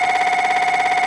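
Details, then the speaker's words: Patient in MRI scanner during clinical fMRI, faster multiband EPI sequence: loud, steady buzzing tonal drone with rapid rhythmic pulse; MRI scanner noise (EPI sequence). "Well, now we started with the patient. A little faster EPI because I'm using multiband now."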